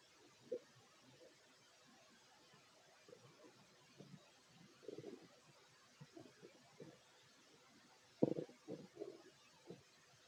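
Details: Fit adult male's stomach while eating a plate of sandwiches: soft, scattered gurgles and squelches over quiet hiss; ordinary digestive bowel sounds.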